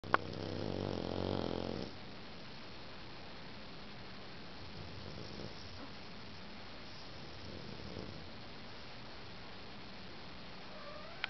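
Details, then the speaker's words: Sleeping foster dog, about 2 years old, 50 lbs, presumed Boxer/Bulldog mix: one loud, low rattling snore, then two faint breathy snores against quiet room noise; snoring continues after waking. "You were snoring. You sleepy boy. You sleepy boy. Snoring away."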